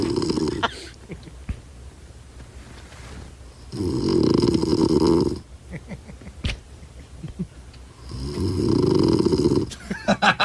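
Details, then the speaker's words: Adult man recorded by his wife snoring during sleep, loud enough to wake her: loud, rough, rattling snores with each breath about every four seconds, quiet exhalations between. "but then I thought I did snore so that story is not true but listen to this this is me how does this come out of me"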